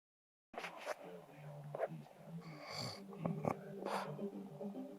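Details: Adult man (husband) snoring during sleep: loud, irregular snorting and whistling snores with rattling breaths.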